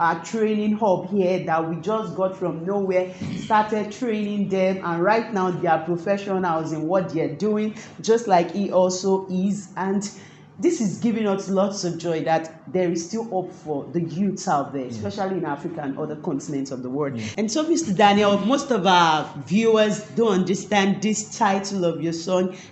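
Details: Adult speaker, likely female; normal fluent speech.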